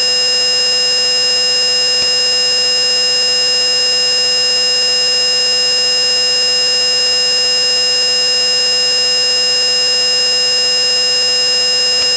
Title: Hearing Test